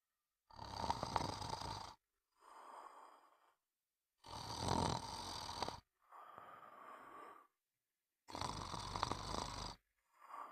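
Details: Snoring: regular cycles of harsh, rattling inhaled snores, each followed by a softer breathy exhale, about 14 breaths a minute; steady snoring.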